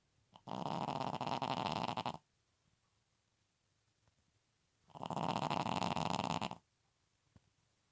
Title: Pekingese snoring